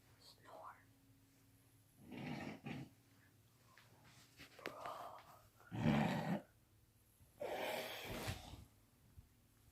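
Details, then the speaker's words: Loud, rough snoring from a sleeping brother, recurring every few seconds with quiet pauses between, recorded in a small quiet room. "Bro, do you hear this, y'all? Yeah. My dude snores so loud, bro. And this was loud."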